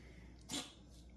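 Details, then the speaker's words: Foster Siamese kitten with feline upper respiratory infection (sneezing, runny nose, watery eyes), on breathing treatments, B12, antibiotics and Albon: a single soft, brief sneeze. "You hear it sneezing back there. They have sneezing, runny nose, watery eyes."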